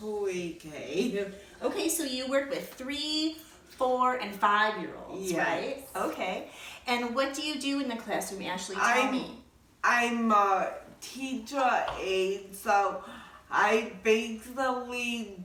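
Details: Adult woman speaking; typical adult speech.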